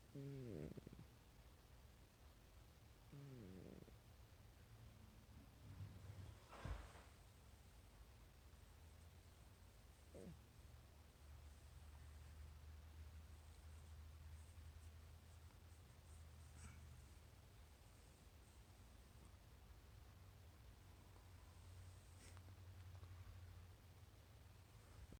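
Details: Cat snoring while asleep: a soft, continuous low rumbling snore with a few brief faint noises.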